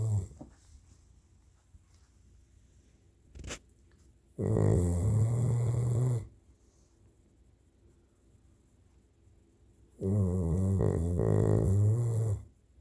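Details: Dog napping and snoring: two long, loud, rattling snores about six seconds apart, with quiet breathing between them.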